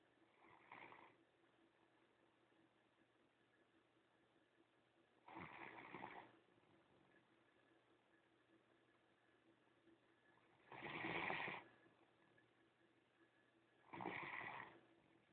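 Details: Great Dane, adopted former breeder dog, snoring while asleep: four rough, rattling snores about 3 to 5 seconds apart with quiet breathing between them; snoring.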